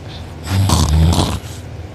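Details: One loud, rough, low snoring breath rattling through the open mouth, recorded by a sibling during deep sleep; drooling, uvula and soft palate sore afterward: heavy snoring.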